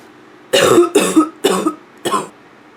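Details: Four harsh, hoarse coughs in quick succession with a barking quality, ending in throat clearing; nonstop barking cough (f).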